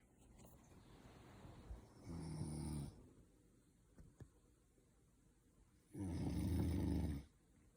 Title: snoring noise